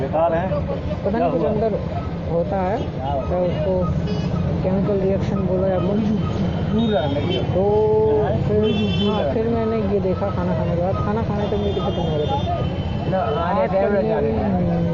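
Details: Man who stutters (stammers), speaking Hindi, doing daily speaking practice to see whether it changes his speech; stuttering.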